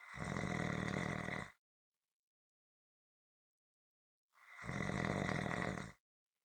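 Two long, loud, rough snores with complete silence between, a steady rhythm of about one snore every four seconds; heavy snoring.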